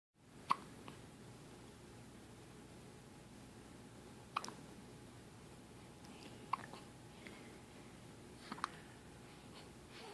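Brief sharp gulping clicks about every two seconds, five in ten seconds, over faint room hiss: hiccups.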